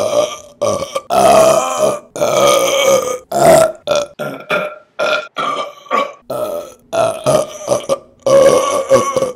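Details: Female burping compilation: about a dozen loud, drawn-out voiced belches in quick succession, some long and rumbling, others short.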